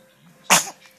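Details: A single sharp, high-pitched sneeze from a 2-month-old baby girl, a brief explosive burst of air.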